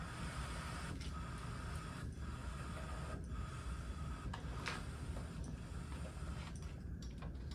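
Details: Mechanical ventilator just started on a patient during a respiratory care midterm practical, giving a steady low machine hum with regular soft clicks.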